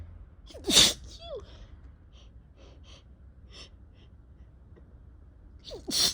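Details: Spring sneezes in a person who figures they have allergies, with a two-week cough: two loud, explosive sneezes, each preceded by a sharp inward gasp, with quiet sniffing between.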